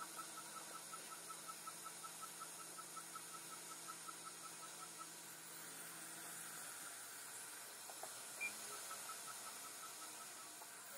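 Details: Fotona Lightwalker Er:YAG/Nd:YAG dental laser during frenectomy on a young girl to close a gap between front teeth: steady water-spray hiss with rapid regular ticking pulses, about 160 a minute.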